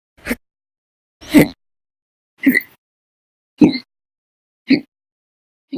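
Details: Six sharp, brief hiccups, about 55 a minute, fairly regular, from a person with persistent, violent hiccup bouts lasting hours at a time over November 1–20, 2019.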